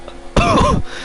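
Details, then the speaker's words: A single harsh voiced throat clearing from an adult man whose voice is going hoarse during live commentary. "I'm sorry about my voice is gone now I should have probably used it all"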